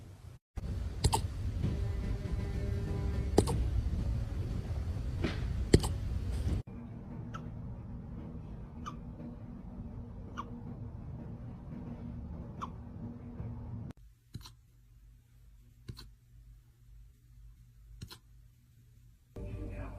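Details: Puppy hiccups: soft, sharp little clicks repeating at a fairly steady pace over quiet room noise, with music at the start.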